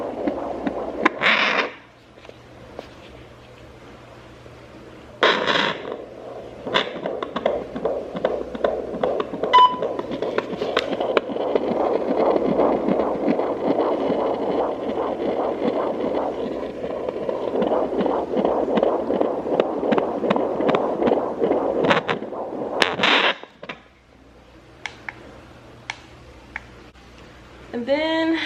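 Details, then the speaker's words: Home fetal Doppler in a first pregnancy, rapid rhythmic galloping whoosh of the fetal heartbeat, reading 157 beats per minute; normal fetal heartbeat on Doppler. "so yeah guys there's my baby's heartbeat 157 okay there it is again"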